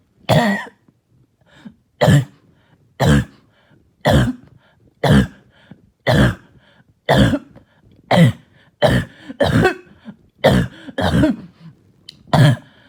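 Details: Child with barking and hacking cough all night: a run of about thirteen harsh, barking coughs, close to one per second.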